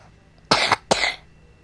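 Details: Woman coughing repeatedly while narrating a Roblox game: two short, harsh cough bursts in quick succession against a quiet room, part of an ongoing cough.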